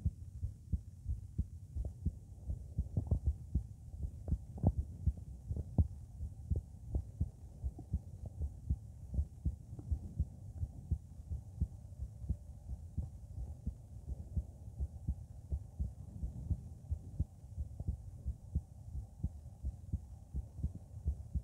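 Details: Strong, pounding heartbeat at about 85/min during palpitations, recorded at Erb's point; a soft whooshing systolic murmur at 00:12, 00:17, 00:23 and with each inspiration.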